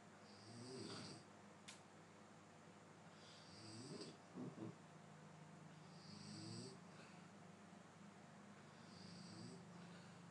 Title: snoring sound with no special effect 3mns